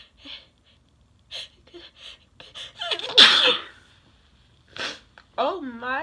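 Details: One forceful explosive sneeze after quick sniffs and a building inhale, with brief voice afterward, from a 21-year-old who skipped allergy meds that morning and wonders about a slight pollen allergy; ordinary sneeze.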